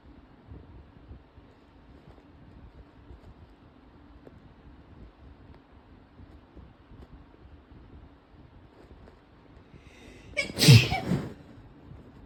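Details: Female sneezing: quiet room, then one loud, sharp sneeze near the end.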